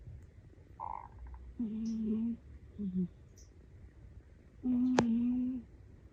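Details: Short, soft, whistling-buzzy 'puu' snores repeating in small bursts from a sleeping fluffy cat overhead; harmless snoring.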